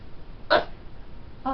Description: i never get hiccups, and i'm glad i don't. i sound like i'm dying or s/t.